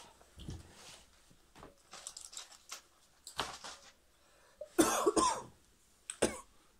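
Several soft coughs and throat-clearing sounds, with two louder harsher bursts near the end, in a quiet small room.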